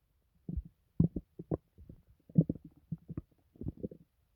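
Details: Irregular bursts of gurgling and bubbling from the belly, painless loud stomach growling; bowel sounds.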